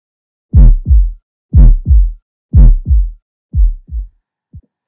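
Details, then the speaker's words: Normal first and second heart sounds (S1, S2) in a physiology student auscultation recording: a steady lub-dub at about 60 per minute, with two crisp sounds per beat and quiet pauses. S1 is tricuspid/mitral closure; S2 is aortic/pulmonary closure. "este vídeo podemos apreciar el ruido uno y el ruido dos el ruido uno se produce por el cierre de las válvulas tricúspide y mitral debido a la sistole ventricular"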